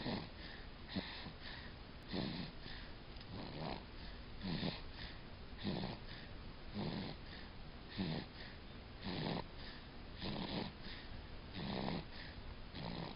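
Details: Regular rough, rattling snores from a male sleeper, about 13 a minute, over steady room noise; ordinary snoring.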